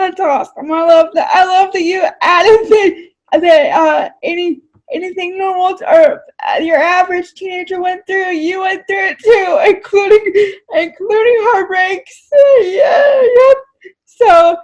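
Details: Woman with cerebral palsy; dysarthria (cerebral palsy).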